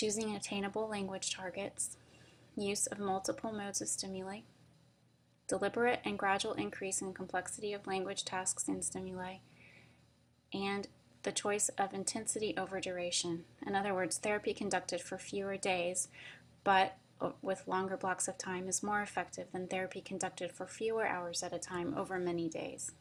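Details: Adult woman speaking; normal speech.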